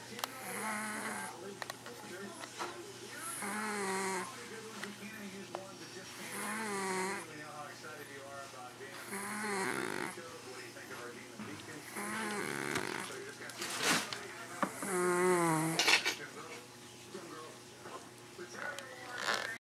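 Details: Old cat that sleeps and snores all the time: repeated rasping, tonal breathing noises at about 20 per minute with a faint steady hum behind; snoring.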